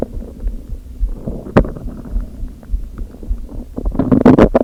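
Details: Stomach growling after not eating all day with only coffee, hunger pangs and slight headache: continuous low rumbling and gurgling with bubbling bursts toward the end; loud borborygmi of an empty stomach.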